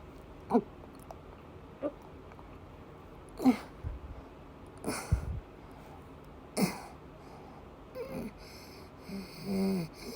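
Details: Female with persistent asthma attacks and a migraine-cluster headache complex: scattered single coughs, about five in ten seconds, with noisy breathing between them, during an asthma attack.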